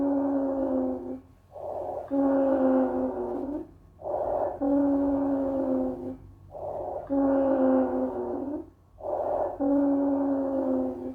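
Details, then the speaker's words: Wheeze (sibilo): high-pitched, musical whistling tones heard in both inspiration and expiration from narrowed airways, described as classic of asthma, COPD and emphysema. "É um ruído agudo de alta frequência e aparece tanto na inspiração quanto na insiração. É clássico da asma, dac e do e fizema."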